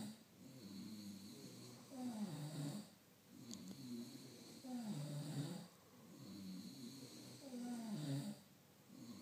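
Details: Men's snoring contest: steady, low, fluttering snores on each breath, about three breaths in nine seconds, with quiet pauses between; snoring.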